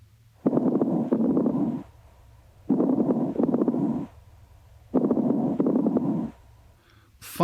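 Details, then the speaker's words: Breath sounds with brief, intermittent, popping, non-musical clicks scattered through each breath: crackles, a discontinuous adventitious breath sound. "adventitious or added breath sounds consist of two basic types the discontinuous sounds or crackles"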